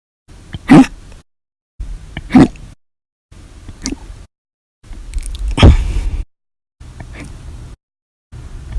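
Sudden sharp gulping hiccup sounds, several loud and forceful, recurring roughly every one and a half seconds; repeated hiccups.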